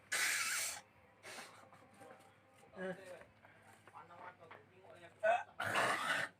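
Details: Several forceful, breathy, wet rattly coughs and throat-clearing bursts in a small room with faint voices: productive phlegmy coughing during an alternative nasal gurah treatment meant to expel mucus.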